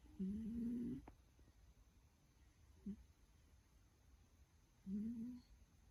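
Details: Snoring while dreaming: low, faint buzzing snores on two breaths with a soft sound between them, in a quiet room.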